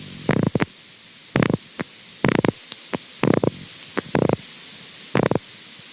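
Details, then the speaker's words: Myokymic discharge on needle EMG: irregularly repeating short bursts of rapid crackling pops with quiet gaps between. "so this is just repeating and again this is the same motor unit that's firing repeatedly you can see down here in the slower sweep that this burst is just repeating very slowly over and over"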